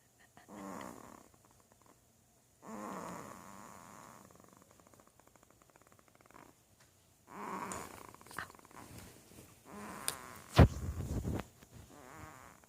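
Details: Low, rattling snores with irregular pauses and a loud snort near the end from a sleeping male, said to snort just like his grandpa; snoring.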